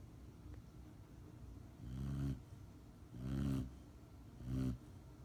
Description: Picked up my almost 6 month old Rottweiler puppy Pepper from her professional training and when she got home she is knocked out. Hear her cute snore.